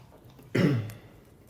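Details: Staged cough-villain scene in a quiet study room, with people acting as if they had caught a cold: a single loud, harsh throat clear. Throat clearing.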